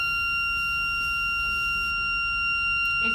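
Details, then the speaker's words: Air/oxygen blender alarm on an infant nasal bubble CPAP setup in a special care nursery, sounding while hooking up 50 psi air; a steady high-pitched tone signalling a pressure difference until both 50 psi air and oxygen are connected. "due to that alarm you just heard was the blender, and it's due to a difference in the pressures. So for you not to hear that alarm, you have to make sure both 50 psi oxygen and 50 psi air are connected."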